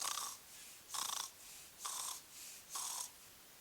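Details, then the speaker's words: Trauma primary survey teaching: harsh, rasping breaths about every second, in and out, described as noisy breathing on arrival, a compromised airway that indicates orotracheal intubation. "O doente já chega com respiração ruidosa."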